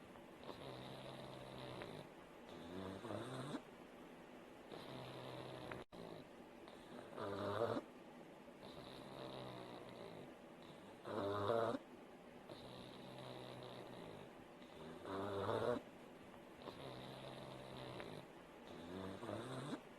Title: КОМПАНИЯ РЕБЕНКУ ДЛЯ СНА. 1 ЧАС ХРАПА МОПСА. SNORE PUG. PUG SLEEPING.